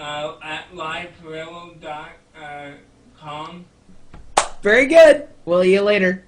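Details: 32-year-old man with cerebral palsy speaking in real conversation; cerebral palsy speech (dysarthria).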